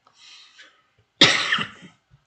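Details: Cough from a teacher during a class, with the teacher saying the coughing comes from a winter allergy and is not COVID.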